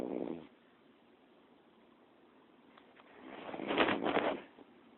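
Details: Snoring recorded on a BlackBerry phone: a rough breath, a pause, then a louder rattling snore that builds and fades.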